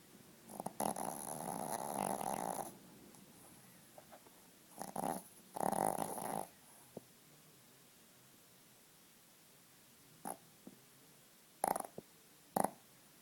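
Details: Sleeping dog snoring loudly: several long rasping snore bursts, then shorter snorts, with quiet gaps between; snoring.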